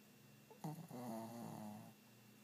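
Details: Sleeping dog snoring: a single drawn-out, rattling snore lasting just over a second in a quiet room.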